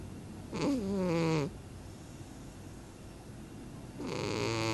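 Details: A sleeping cat snores again: two loud, tonal snoring breaths with a whistling, honking quality and a quiet pause between them.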